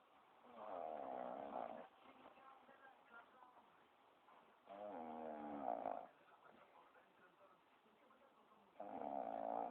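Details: Sleeping dog snoring: loud, rattling, buzzing snores every few seconds with quieter breathing between them.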